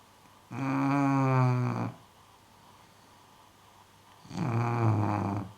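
Two long, loud, rattling snores about four seconds apart, quiet in between; snoring in a dog.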